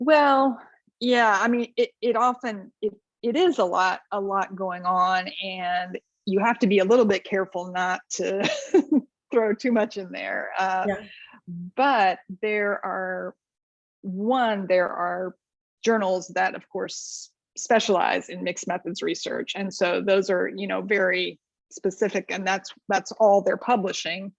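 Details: Adult woman speaking; Normal voice.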